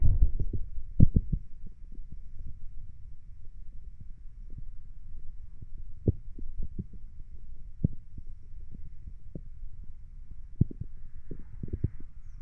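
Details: Bowel sounds recorded while lying down: irregular soft clicks and brief gurgles over a low steady hum, typical of active bowel sounds.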